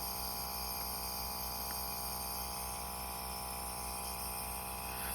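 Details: Portable compressor nebulizer for kids and adults, with mouthpiece and masks, running to deliver medicine vapor: steady buzzing mechanical hum.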